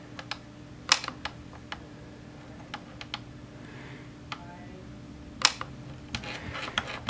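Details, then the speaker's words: Scattered sharp, snappy clicks over quiet room hum: YAG laser pulses fired at a C-shaped Weiss ring vitreous floater during floater vitreolysis; the microphone sits right next to the laser, exaggerating the clicks. "One of the problems with video recording is with the camera setup, I have the microphone is sitting right next to the laser, so these little clicky, snappy things that we're hearing sound like you're blasting a photon cannon or something at it."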